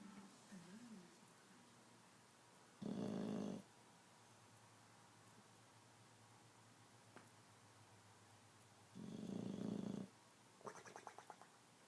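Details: Sleeping snorer: two loud, rough snoring sounds about six seconds apart over quiet room noise, with a brief snort near the end.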